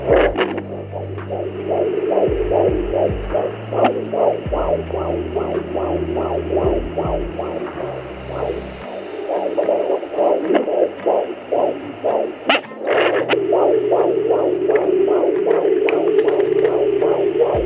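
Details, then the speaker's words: Fetal heartbeat at 16 weeks of pregnancy on a home baby Doppler, found after pressing hard and moving the probe: rapid, regular whooshing pulses, about 150 beats a minute. "thank you so there you have it that was a lot of work honestly I did have to press really hard I had to move it around a little bit"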